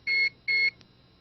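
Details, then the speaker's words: Computer-controlled dental local anesthetic delivery unit in pediatric dentistry: two short, high electronic beeps after the handpiece's double-rate button is pressed, signalling that the injection rate has doubled. "pressing the double rate button will double the current injection rate at any time after the first 10 seconds two beeps"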